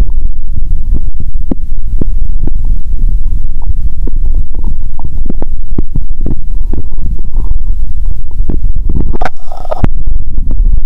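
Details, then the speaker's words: Stomach bowel sounds through a stethoscope during a doctor–patient role-play in a hungry person who had fasted over 15 hours; the stomach is called noisy and is "diagnosed" as hunger. "(👩) "Doctor, is my stomach noisy because of my illness?" (Doctor👨‍⚕️) "Let's hear the sound of the stomach!"."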